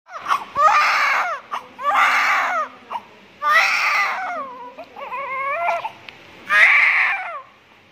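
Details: Newborn's first cry: repeated loud bursts with short gasping breaths between, a strong, normal newborn cry.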